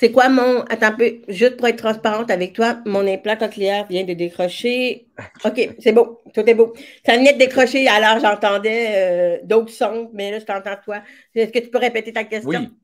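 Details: Severe-to-profound deafness in an adult woman who hears with her right ear via a hearing aid and now a cochlear implant, and who worked on her voice on her own; deaf speech (severe-to-profound hearing loss).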